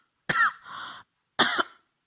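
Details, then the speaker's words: Adult woman with flu, cough and runny nose, apologising while speaking: two short, forceful coughs, the first trailing into a brief hoarse exhalation. "maaf kami eh maaf saya sedang batuk sehingga Mungkin suara saya kurang nyaman Untuk didengar"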